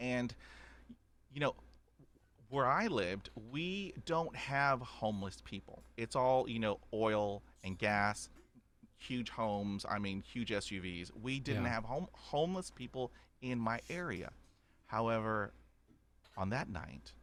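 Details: Adult man stuttering since age five after a dog attack, about 80% fluent after 20 years of speech therapy, still with repetitions and blocks; stuttering.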